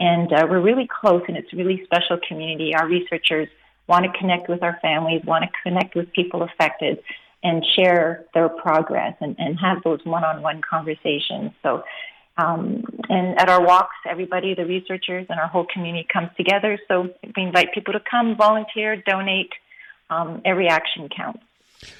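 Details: Adult speaker; typical speech.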